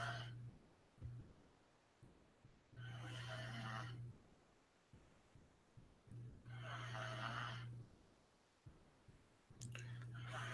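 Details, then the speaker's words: Rhythmic snoring from a sleeping young girl, about 16 breaths a minute, with soft room noise. "Oh y'all gonna hear the snoring that's my little cousin she's sleeping"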